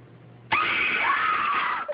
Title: crying boy